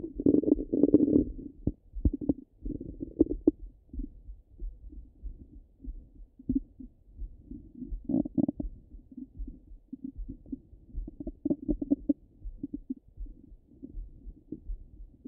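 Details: Ordinary bowel sounds over the stomach: low gurgling and rumbling bursts at irregular intervals as the gut moves gas and fluid.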